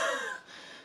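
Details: Respiratory physiotherapist demonstrating a low, long huff (forced expiration technique) within the active cycle of breathing, aimed at moving mucus from smaller peripheral airways at the lung bases; expiratory wheeze heard during the forced huff.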